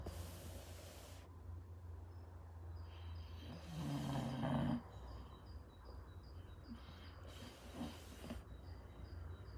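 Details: Sleeping pitbull snoring: low rumbling snore rising to a louder throaty snort, then quieter breathing, over steady low hum.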